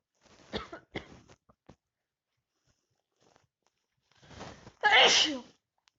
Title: Sneezes big cold for the pool